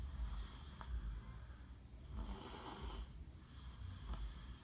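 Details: A sleeping "little boss" snoring lightly: soft, low, rumbling breaths repeating irregularly, about 30 a minute, over steady background noise.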